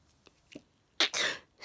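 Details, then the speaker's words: Person with a sneezing fit just before bed, a daily problem, reporting jaw spasms: a quick catch of breath, then a sharp, explosive sneeze with a brief breathy tail; sneezing. "as I thought just before bed I would start sneezing again and uh I nearly nearly finished putting everything away I was just about to turn the lights off to go to"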